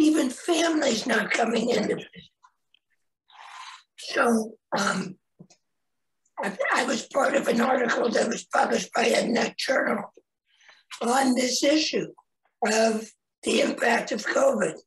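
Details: Adult man, 25 years after total laryngectomy for head and neck cancer in 1996 at age 41, with primary tracheoesophageal puncture and secondary prosthesis placement; tracheoesophageal speech after total laryngectomy.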